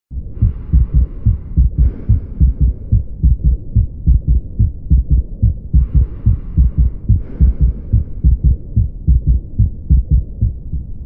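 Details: Normal heart sounds in a clinical examination recording: regular low heart thumps at about 72 beats per minute, heard through a stethoscope with faint hiss bursts.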